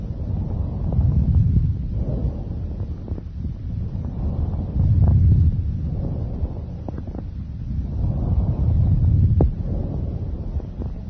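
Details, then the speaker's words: Loud, high-pitched, hollow, pipe-like bronchial breath sounds, expiration louder and longer than inspiration, with a distinct pause between phases; normally heard only over the manubrium. "these characteristically loud high-pitched bronchial breath sounds resemble the sound of air blowing through a hollow pipe their expiratory phase is louder and longer than their inspiratory phase"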